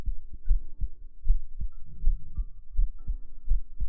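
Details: Regular soft low thumps at about 78 a minute with a faint steady hum behind, from an ASMR livestream heart-sound segment; a normal heartbeat.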